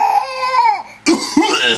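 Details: Coughing fit in a 5-month-old infant: a whining cry falls away, then two sharp, harsh coughs close together.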